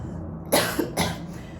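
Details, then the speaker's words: Stage 3 squamous cell lung carcinoma with tumors in the lower right lobe and in sternal and collarbone lymph nodes. She has a dry, non-productive cough felt at the base of the throat, thought due to inflammation: two short dry bursts with no mucus rattle. "and it gives me this dry cough at the base of my throat, which there's no expectorant with it. It's just a dry cough because of I think inflammation."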